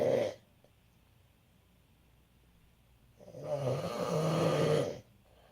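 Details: Adult man (dad) snoring: a brief snore, a quiet pause, then a longer rough, fluttering snore on the breath in.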